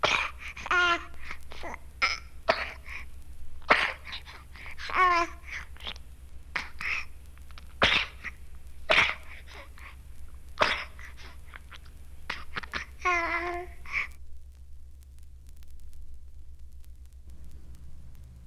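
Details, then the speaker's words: Young child with bronchiolitis in a 1970 medical teaching film: repeated short coughing bursts, a persistent spasmodic cough like whooping cough but without the whoop. "There is usually, but not always, a persistent spasmodic cough, almost like that of whooping cough, but without the whoop like this."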